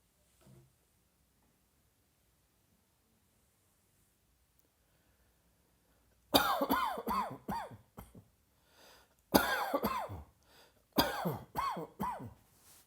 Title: Cross Dressing in Italy 60 (with coughing)